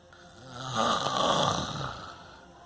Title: FILMING MY DAD SNORING FOR $1000,000 PART 6 "HE WAS SO MAD * (SO FUNNY AND CRAZY!)😱😎